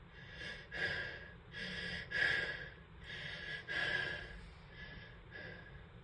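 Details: A run of wet, spraying sneezes with sharp inhaled gasps between them.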